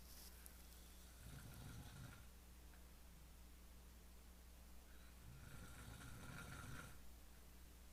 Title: I don't snore